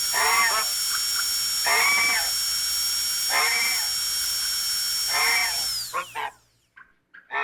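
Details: Dental drill sound effect: high steady whine running continuously, then winding down to a stop, with brief voices in the background.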